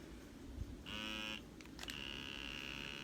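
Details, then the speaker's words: Vacuum pump of an above-knee prosthesis running: steady high electric whine with brief clicks as the unit sucks air out of the carbon fiber socket, creating vacuum suspension that holds the leg on the amputee's limb. "now this is a vacuum unit which actually sucks the air out of the socket"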